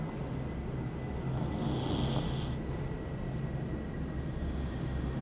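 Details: Snoring while sleeping under the table: low, rumbling snoring with a soft snorting quality over steady room noise; snoring.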